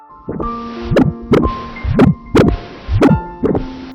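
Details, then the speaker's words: Heart sound of severe heart valve regurgitation (leaking valve), presented as a heart cause of swelling in both legs: heartbeat near 60 a minute with a loud, harsh whooshing murmur between beats. "Itu adalah suara jantung yang mengalami kebocoran katup yang parah. Lumayan serem ya?"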